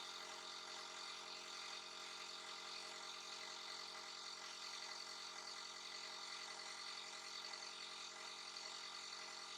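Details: Nebulizer breathing treatment given to a little one who is coughing and sneezing: a steady hissing motor hum with a fast, even pulse throughout, from the compressor delivering mist.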